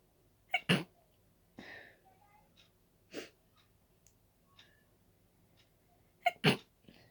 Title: Dust allergy sneezes